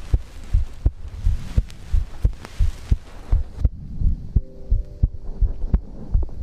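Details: Own heartbeat recorded for ASMR heartbeat-and-breathing sleep content: regular low normal heartbeats around 80 a minute, with light rustling and a brief faint tone.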